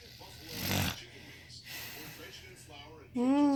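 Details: A wife snoring in her sleep: a rough, rattling, snort-like snore, then quieter breathing noise and a louder, buzzing, voiced snore at the end. Snoring.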